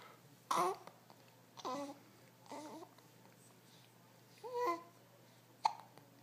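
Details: Infant hiccups from a baby: short, voiced catches, about five in six seconds, some with small babbling sounds.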